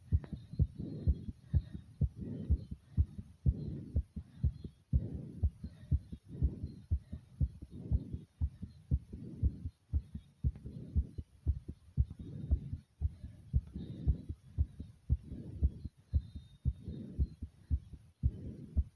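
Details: Uploader's heartbeat after over 50 jumping jacks: loud, rapid, regular beats at about 120 a minute with heavy breathing, a strong heart pumping after exercise.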